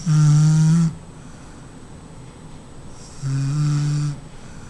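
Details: Woman who says she doesn't snore, caught snoring: two loud, low, rattling snores on in-breaths, each under a second, separated by quiet breathing.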